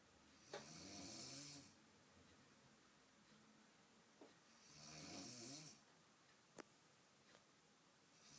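Two rough, rattling snores on breathing in, about four seconds apart, with quiet room noise between them. Ordinary snoring.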